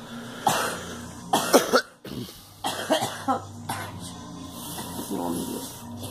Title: Girl coughing